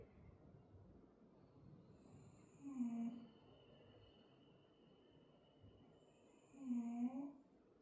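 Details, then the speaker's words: Small dog snoring quite loudly while asleep: two low, rattly snores about four seconds apart over faint room hiss. "I don't know if you can hear that, Arya's snoring quite loudly now."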